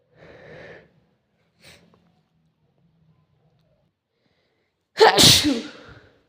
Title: Sneezing again 🤫